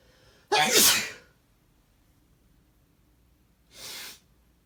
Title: Kinda lonely sneezes